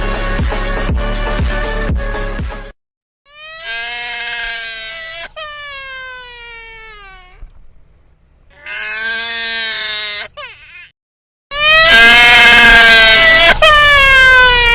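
Several bursts of high, wailing infant crying separated by silences, one loud and strained; a sound-effect recording with some music at the start.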